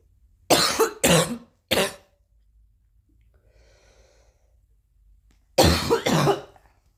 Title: and coughing again